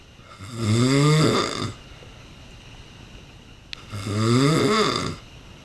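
Two loud, vibrating, groaning snores about three seconds apart, each over a second long: heavy snoring during sleep.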